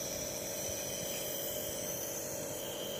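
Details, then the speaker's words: Child with cerebral palsy being trained to hold his own nebuliser while it runs: steady high-pitched hiss and hum with faint room noise. "ধরে রাখছো? আমার আব্বুটা নিজে ধইরা রেবুলাইজার করতেছে।"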